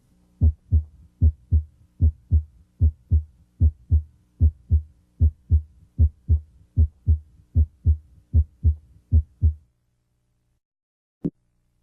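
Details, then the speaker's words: Normal heart sounds at the mitral area (apex), with S1 louder than S2 from mitral valve closure: regular paired lub-dub sounds at about 76 beats a minute. "Here at the mitral area, S1 is usually louder than S2. It comes from closure of the mitral valve."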